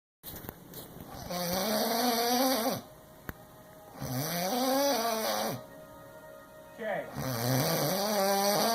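Loud, droning snores that rise and fall in pitch, about three breaths over nine seconds: heavy tonal snoring.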